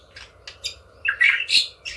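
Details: Oriental magpie-robin that had a cough and a hoarse, completely lost voice, recovered after about 7-8 days; its voice has returned and it sings actively; normal birdsong after recovery from hoarseness.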